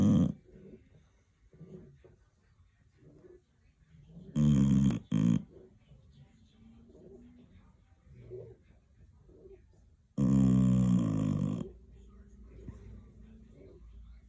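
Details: Snoring: loud, harsh, rattling snores with quieter snuffling breaths between, in an irregular rhythm.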